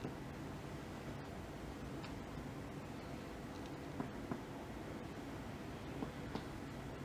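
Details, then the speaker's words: Percussion of the back over the interscapular and infrascapular areas beside the vertebral column, demonstrated in a chest examination lecture: a resonant percussion note, the normal lung note, compared between both sides. "احنا سامعين، ده ريزونانس."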